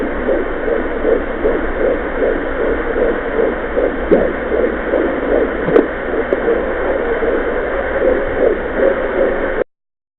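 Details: Home fetal Doppler (Mommydop) recording at 14 weeks of pregnancy: fast, rhythmic whooshing fetal heartbeat about 150 beats a minute through Doppler hiss.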